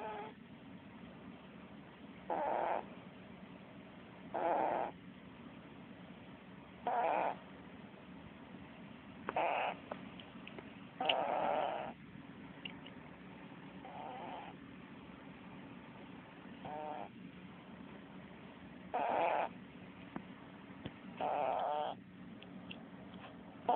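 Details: Snoring from a sleeping white cat: soft, rhythmic snores, about 25 breaths a minute, over a steady low background hum.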